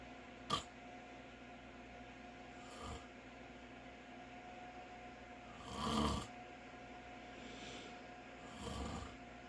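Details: Adult father asleep: repeated rasping snores roughly every three seconds, about twenty breaths a minute, over a steady background hum; snoring during sleep.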